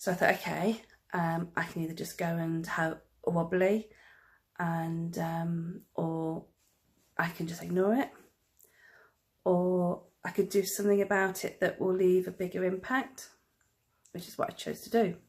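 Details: Stammering in an adult woman.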